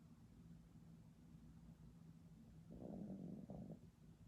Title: Pomeranian | Pomeranian Snoring | Dog sleeping | cute Pomeranian